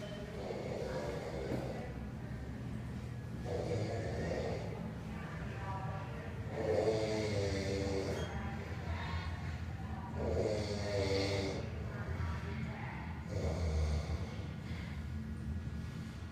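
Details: Man asleep on a toilet in a store: loud, rough snoring in a slow rhythm, about four snores over sixteen seconds, with low room hum; snoring.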